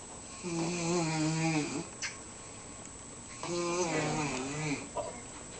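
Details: Sleeping sick brother who can't breathe well: two long, buzzing, throaty snores about three seconds apart, each ending in a short snort, in a quiet room; snoring.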